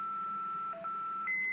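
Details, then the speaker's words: Philips MRx manual defibrillator, energy escalated from 150 joules: a steady electronic tone that briefly drops, then rises to a higher pitch while charging before the shock. "we press charge and shock you can also escalate the energy by doing this"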